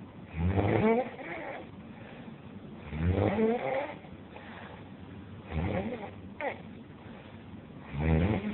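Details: Snoring from a sleeping person, described as the greatest snoring of all time.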